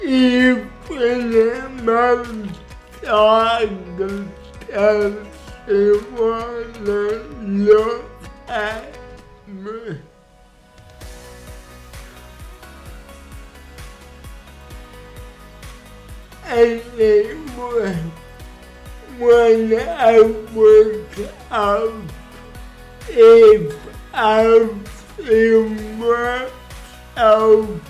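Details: Adult man with cerebral palsy who reports a speech disorder, speaking in his own voice; dysarthria.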